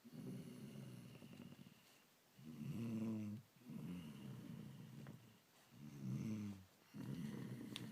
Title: Lion Snoring